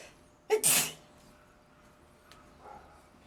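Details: Sneezing on a balcony, apparently triggered by something in the environment: a brief intake followed by one explosive burst, then quiet; a single sneeze.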